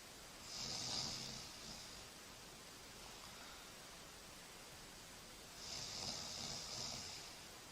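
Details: Snoring recorded for a study of snoring detection with a stretchable strain sensor: two slow, noisy breaths with a rough, hissing snore quality about five seconds apart over steady background hiss.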